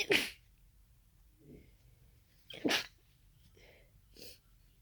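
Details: Sneezing fit of unknown cause after about an hour of nasal irritation; allergy medication taken earlier: two forceful sneezes, each preceded by an in-breath, then a smaller third burst.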